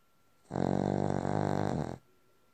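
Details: Snoring from a sleeping dog: a single loud, rattling snore of about one and a half seconds with a coarse buzzing vibration throughout.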